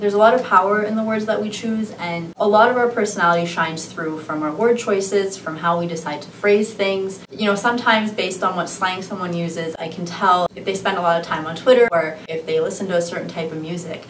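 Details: Adult woman; Normal fluent speech.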